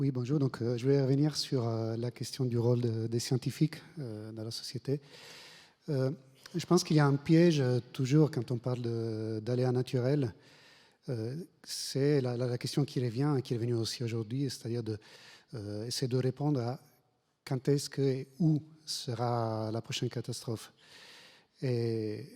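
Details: Adult man speaking French; Normal voice.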